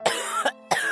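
Three quick, harsh cough bursts from an adult, acted, with a faint steady tone behind.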